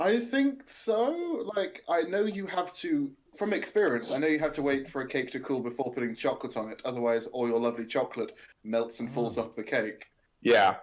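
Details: Adult speaker; Typical speech.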